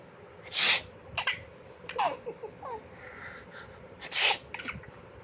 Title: my cute munchkin laughs everything i sneeze